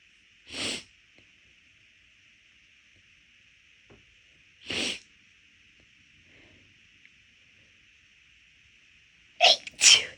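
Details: Deliberately induced sneezes, bigger and easier because the nose already felt off midway through a walk: four sharp, hissing sneezes, the last two in quick succession, over a faint steady hum.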